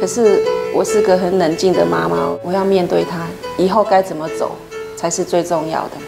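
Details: Adult woman speaking Mandarin; typical speech.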